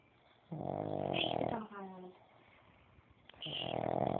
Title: My pug snores